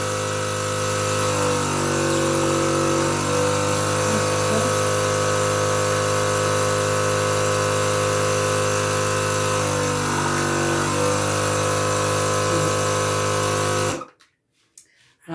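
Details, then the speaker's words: Steady motor hum with a pitch change as suction draws water through the tube; a home suction machine running, primed with water before tracheostomy suctioning and rinsing. "Quand on a besoin de suctionner, on prend la machine, on met un peu d'eau pour que la machine euh soit pas à sec. On suctionne puis on finit avec un rinçage."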